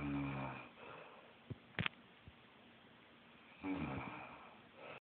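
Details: Grandmother, apparently a smoker, snoring asleep in a guest bedroom: loud, rough, rattling inspiratory snores with a quiet pause and a brief snort between them; snoring.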